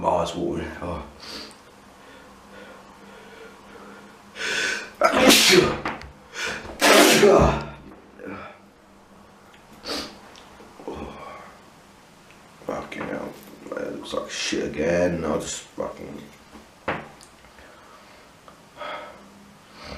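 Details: Repeated sneezing attributed to allergies: several loud sneezes in quick succession, with breathy intakes and faint talk between them.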